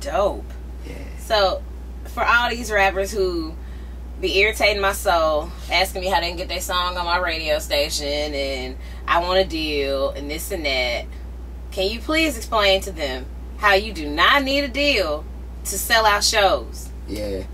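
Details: Adult speaker; Normal conversational speech.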